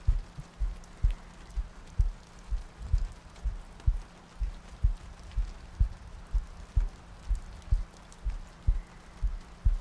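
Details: ASMR sleep-aid loop of soft breathing, heartbeats and rain ambience: steady low muffled thumps at about 62 a minute under soft rain-like noise; regular heartbeat.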